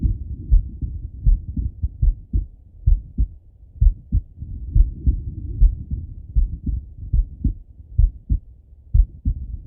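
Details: Male lying on his left side, heart heard through a stethoscope: steady low lub-dub thumps at roughly 70 beats per minute with faint body rumble; heartbeat.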